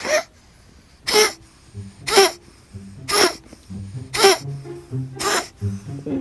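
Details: Cat with asthma, treated with Seretide through an aerosol chamber, gives six sharp, evenly spaced hacking coughs about one a second: a feline asthma cough.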